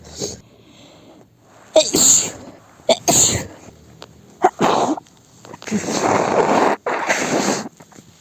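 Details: Acted sneezing scenario in which the person claims a lavender air freshener allergy: several sharp, explosive sneezes with quick intakes of breath between them, repeated sneezing.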